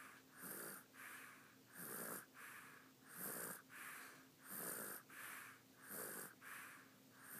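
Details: Sleeping on his mother, regular rasping snores with each breath in and out, about 20 breath cycles a minute; ordinary snoring.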